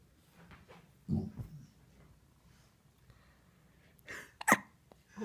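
A dog gives short, abrupt hiccup bursts separated by a few seconds of quiet.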